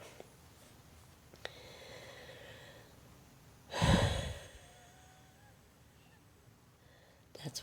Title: Wheezing 😒